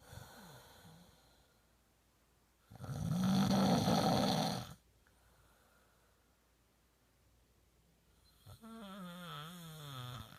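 One loud, rough snore lasting about two seconds, then a softer fluttering breath that trails off. Snoring.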